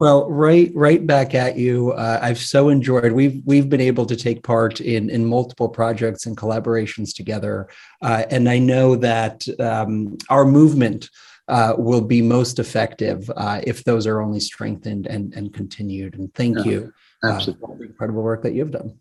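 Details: Adult male speaker; normal speech.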